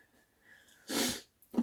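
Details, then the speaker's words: Sneeze from a person who says they are still a bit sick: a faint breath in, then one loud, explosive sneeze, followed by the start of another sharp burst. "I'm still a bit sick. as you can probably hear from my sneezing."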